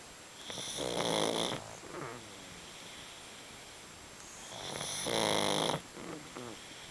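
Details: Snoring in sleeping pugs: two long, buzzing snores on breathing in, each followed by a brief fluttering sound, with steady room hum behind.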